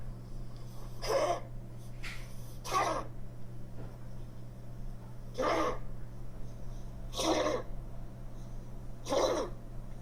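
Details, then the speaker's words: Dog with a typical dry cough, described by a veterinarian as from narrowed airways: repeated short, dry hacking coughs. "강아지 마른 기침은 어 케거이거나 거의 오음 소리가 나는 아 요런 기침 있데요"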